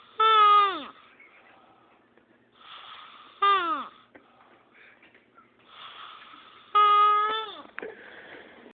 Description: older male snores like a baby when sleeping.